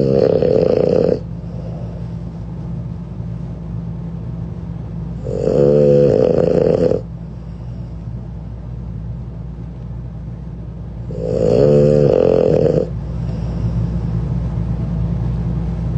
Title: Puppy Snoring